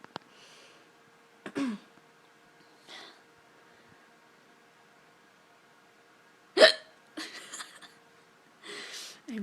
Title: I have the hiccups